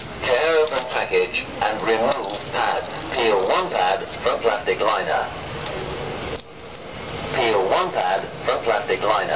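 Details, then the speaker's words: Public access defibrillator (AED) training demonstration after CPR: machine voice prompts in steady bursts guide pad placement, rhythm analysis, shock advised, charging, and shock delivered. "so we open the lid switch it on we then follow the voice prompts that the Machine gives us"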